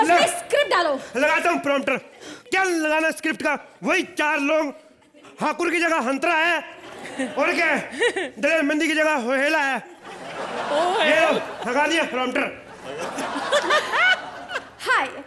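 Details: Acted comic stammer by a male comedian in character, swapping initial sounds of words; acted speech sound substitution (comic stammer).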